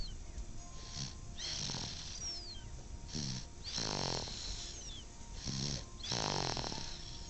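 Rough, rattling snores on the in-breath, about 26 a minute, with a faint steady hum behind them: snoring.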